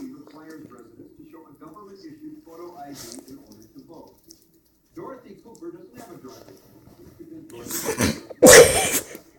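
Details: Boxer dog with a very itchy nose: quiet snuffling and soft vocal sounds, then a forceful sneeze from deep inside near the end.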